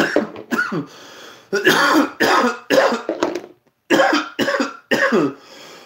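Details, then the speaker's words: Loud, harsh, repeated coughing in short bouts of several coughs with brief gaps between; an ordinary forceful cough from a man on a livestream, sarcastically praised as showing strong lungs. "You hear how loud he coughs? That's strong lungs right there to project such a powerful, constant cough."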